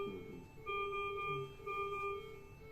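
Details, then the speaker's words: Repeated steady electronic alarm tones from a Maquet ICU ventilator in a demonstration, signalling low expiratory minute ventilation. "so one alarm is coming, right? Expiratory main ventilation low."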